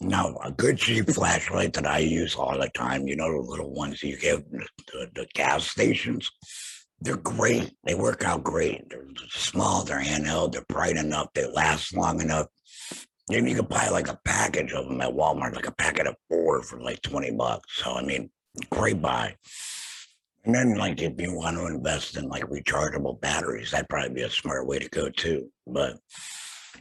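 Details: Adult male laryngectomee after throat cancer, vocal cords removed, who mentions tracheoesophageal voice prostheses; alaryngeal speech after laryngectomy.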